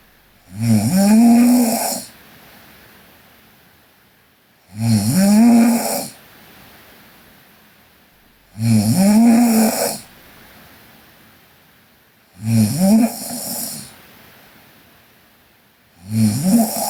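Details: Sleeping Korean girl. Regular loud, buzzing snores with a rising voiced tone on each breath and quiet pauses between, about 16 breaths a minute: snoring.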